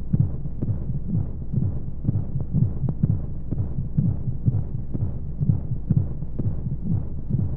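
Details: Womb sound played as a sleep aid for babies: muffled, regular low thumps of a heartbeat at roughly 84 beats a minute under a steady rushing hum of flowing sounds and white noise.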